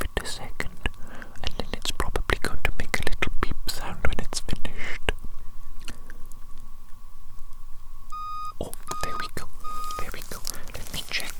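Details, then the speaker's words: Soft tapping and whispering, then a short series of high electronic beeps from a digital thermometer held against a toy hamster's cheek; a simulated ASMR roleplay in which the reading is 102°. "Okay, I'm just going to apply the digital the moment digital the moment against your little fuzzy cheek."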